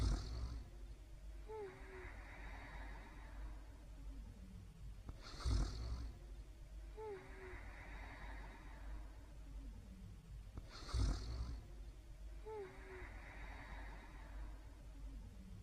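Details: Quiet night's sleep: soft, low rumbling snores about every five to six seconds, roughly 11 a minute, over faint room noise; quiet snoring.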